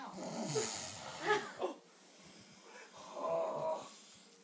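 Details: Man asleep after a late night: rough, rattling breath noises with quieter pauses between them; snoring, with background room noise and voices.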